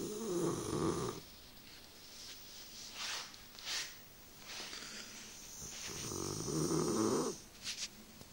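Rumbling snores with a purring, fluttery quality, two loud ones separated by quieter breathing, about 7 breaths a minute.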